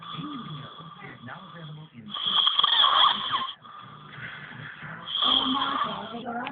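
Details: Ginger-haired boy snoring while asleep: rough, rattling breathing noises swelling on each breath, with quieter stretches between.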